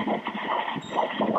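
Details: Fetal heartbeat on Doppler during a 34-week pregnancy ultrasound exam (baby about 2543 g): fast, regular whooshing pulses with a galloping rhythm, a normal fetal heartbeat.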